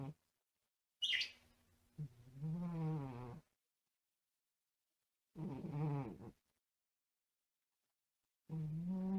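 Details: A sleeping pet cat gives low, fluttering, buzzy snores at about 19 a minute, with one loud parakeet peep near the start: ordinary cat snoring.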